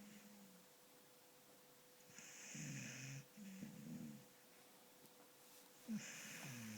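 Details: 4-year-old beagle sleeping and dreaming: soft snuffling snores and small whimpers with a faint steady room hum; snoring.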